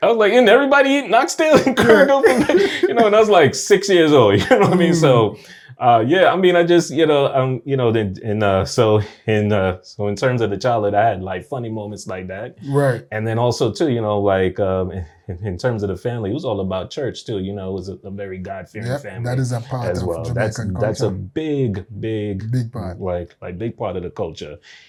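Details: Adult man whose stuttering began after a nightmare at age three; audible word repetitions; stuttering.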